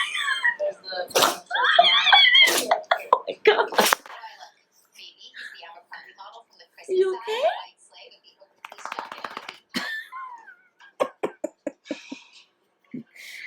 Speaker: Puppy, that's a lot of sneezes. You okay? Are you done?